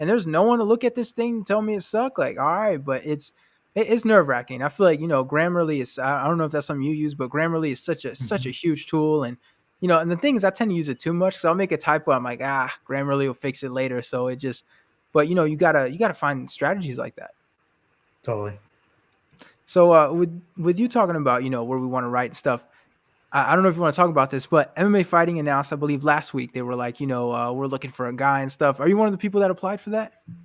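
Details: Adult male speaker; normal conversational speech.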